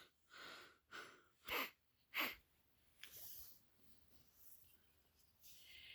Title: Little Miss Bossy (As a Police Officer) Arrests Mr. Sneeze For No Reason After Sneezing